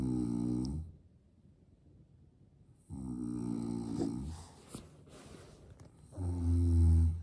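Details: Father sleeping while a baby is nearby: loud, low rumbling snores on the in-breath with quiet pauses between, in a quiet room; ordinary snoring during sleep.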